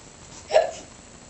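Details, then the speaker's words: A single short, sharp hiccup in a quiet room from a boy who has the hiccups. "I have the hiccups."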